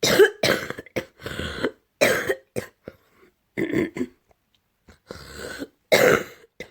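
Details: Repeated wet, rattly coughs with throat clearing and snorting, from phlegm in the throat: productive cough.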